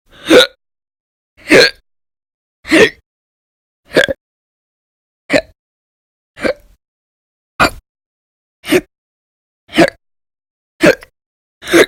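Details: Persistent hiccups, recorded January 2020, in a person whose episodes in late December 2019 lasted from about 2 to over 13 hours: sharp, loud, fairly regular hiccups about 50 a minute with silence between.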